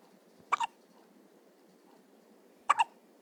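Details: Two sharp, squeaky double-clicked hiccups about two seconds apart in a quiet room; the subject often gets hiccups.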